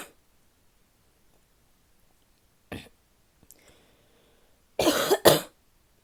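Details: A female coughing in a quiet room: a single cough, a short throat noise, then two forceful coughs in quick succession.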